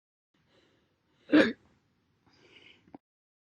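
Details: Audio-only recording of own loud hiccups from earlier years (2018 and 2021): one loud, abrupt hiccup, then a softer breathy sound and a short click; hiccup.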